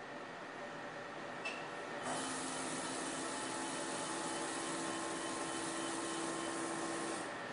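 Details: Fractional CO2 laser running on the face of a 67-year-old non-smoking woman with moderate photoaging, after anesthetic cream: 30 mJ, 300 points/cm², 20 mm squares; steady mechanical whir with a faint high whine.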